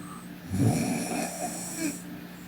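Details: Sleeping young woman snoring: a single low, rattling snore on a breath in over a steady background hum, with snorts and throat-clearing nearby.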